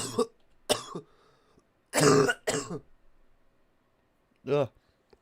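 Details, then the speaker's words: Adult recovering from illness who coughs when laughing: several short, harsh cough bursts and a throat clear following laughter, in a quiet room. "I I get I cough a lot when I laugh. So, if anything in this show makes me laugh, you'll hear me die coughing."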